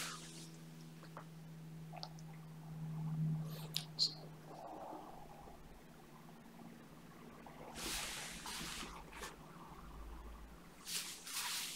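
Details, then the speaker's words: Hissing suction bursts and wet squelching clicks as microsuction works at an extremely hard, dry, impacted wax plug trapped behind a very narrow ear canal, after earlier failed removal attempts; ear wax microsuction. "i've managed to get a bit of a suction grip just at the base but the wax is still quite hard"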